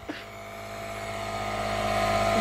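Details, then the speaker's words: Nebulizer compressor running with a steady mechanical hum and faint buzz, growing slightly louder, used at home for a young child (Kai) after uncontrollable coughing fits following bike riding; child heard coughing in background. "so I had to get the nebulizer out which I have not to do very much"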